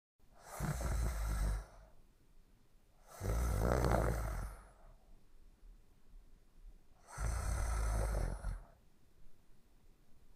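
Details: Jack sleeping and snoring: three loud, rough, low rattling snores over ten seconds, roughly fifteen a minute, with quiet breathing between.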